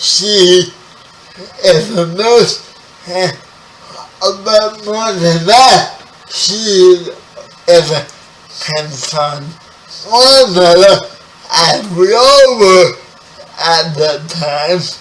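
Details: 30-year-old man with spastic quadriplegic cerebral palsy, born 11 weeks premature; speech affected by the condition; dysarthria (cerebral palsy).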